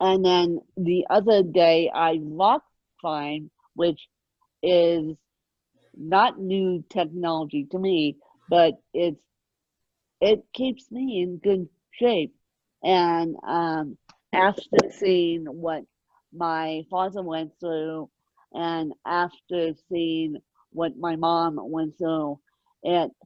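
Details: Ataxic dysarthria in an adult woman with moderate ataxic cerebral palsy present from birth, caused by lack of oxygen at birth, mid-spectrum severity; she needs 24-hour care.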